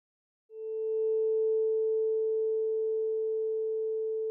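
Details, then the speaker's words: Weber hearing test: a vibrating tuning fork placed medially on the patient's head gives a pure, steady tone by bone conduction; it should normally be heard equally loud in both ears. "sound is now transmitted by a bone conduction physiologically it should be heard centrally or in other words equally loud in both ears"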